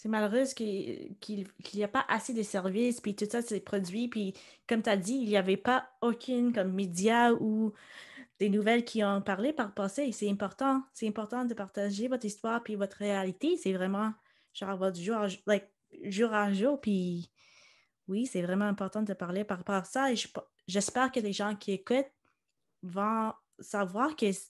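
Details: Adult woman speaking French; typical speech.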